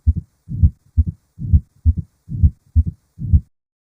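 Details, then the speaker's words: Simulated mitral stenosis murmur, best heard at the apex: regular heartbeat about 67/min with a low-pitched diastolic rumble between S2 and S1, with an opening snap. "of mitral stenosis is best heard at Apex and has an opening snap and is low pitched"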